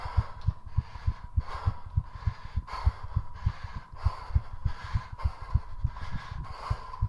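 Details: Rapid, regular heartbeat near 200 per minute with heavy, loud breathing, recorded during 3.5 minutes of squats done to push the heart rate as high as possible; exercise-induced tachycardia.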